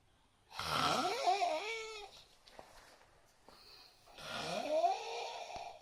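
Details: Snoring described as the strangest in the world: two long, loud snores with a strange rising, whistling, almost voice-like quality, separated by a quiet pause.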